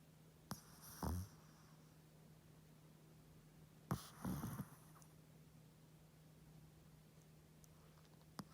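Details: Sleeping Chihuahua snoring: soft, brief snorting snores and a few irregular breaths over a steady background hum.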